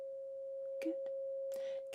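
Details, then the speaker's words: Weber test in a simulated ASMR cranial nerve exam: a struck tuning fork placed on the centre of the head rings a steady pure tone, with faint handling noises and a brief voice; the listener is asked whether it sounds equal on both sides. "and this is the tuning fork which I'm going to be popping onto the center of your head okay and I want you to tell me if you can hear the sound and if it sounds equal on both sides"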